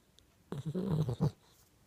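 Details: Baby Pitbull giving one low, rumbling snore-like breath lasting under a second in a quiet room; snoring.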